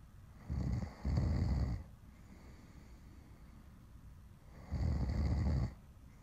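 Deep, rumbling snores in long breaths, roughly one every four seconds, with quieter breathing between; ordinary heavy snoring.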